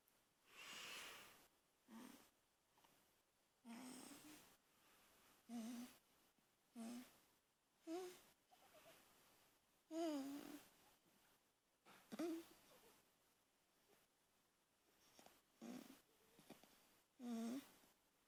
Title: Lela making sounds while sleeping